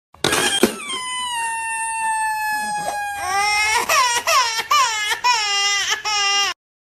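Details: Real crying from an infant boy: one long, steady high wail, then a run of short, rhythmic sobbing cries; infant cry.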